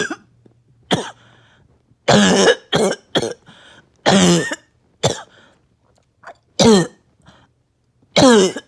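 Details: Bad barking cough, about nine harsh bursts with short pauses, some ending in a throat-clearing rasp, in a person who says there was less chest pain this episode and was on medication.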